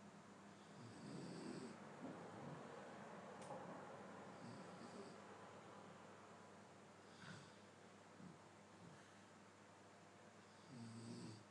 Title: snoring sound with no special effect 3mns